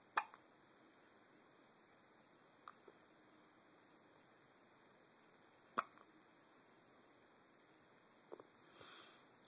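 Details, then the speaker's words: Hiccups: four brief, sharp catches about three seconds apart, roughly 25 a minute, in a quiet room. "Somebody has the hiccups."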